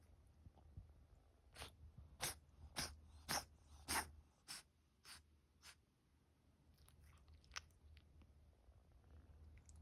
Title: Sneezing cat🤧